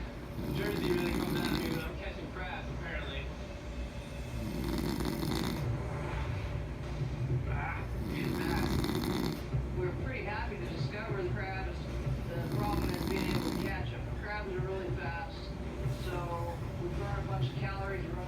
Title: Husband snores